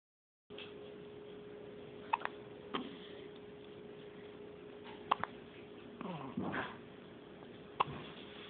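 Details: Soft, abrupt clicking gulps every few seconds from a baby over a steady electrical hum: infant hiccups.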